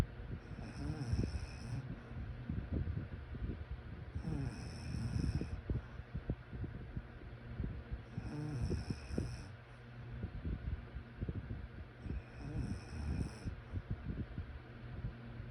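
Rough, fluttering low snores with each breath, about 15 breaths a minute, steady and regular; ordinary sleep snoring.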